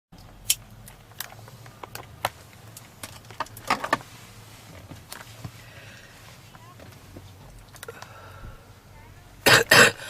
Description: Heavy smoker in a black leather jacket lights up a cigarette while sitting in the car and immediately begins to cough strongly with noticeable wheezing.